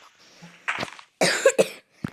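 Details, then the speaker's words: A short cluster of three or four dry coughs with a faint throat sound before them, from a Serbian-speaking gamer who apologizes for coughing a little while recording Minecraft; cough. "Ljudi, ja se stvarno izvinjavam. Nešto malo kašljem, što možete da vidite, mislim što možete da čujete po meni."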